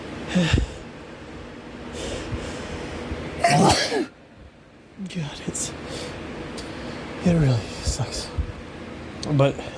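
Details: Several sharp sneeze bursts with breathy inhalations between them in a noisy fan-cooled room, in a person whose AC broke and box fans pull in outdoor pollen; repeated sneezing, nose-blowing not helping.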